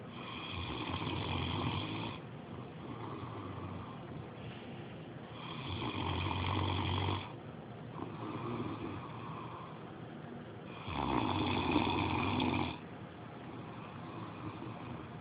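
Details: Romeo snoring again: loud, rough snoring on each breath in, with quieter breaths out between, about four cycles in fifteen seconds, roughly 16 breaths a minute.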